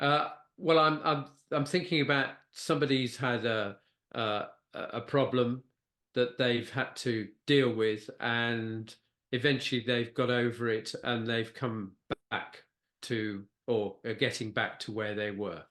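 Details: Post-stroke aphasia with word-finding difficulty in a man who had a stroke (a brain bleed affecting Broca's area) at age 69.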